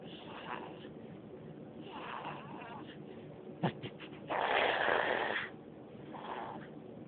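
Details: Snoring during sleep: rough, noisy breathing with snorting bursts and a louder rasping snore.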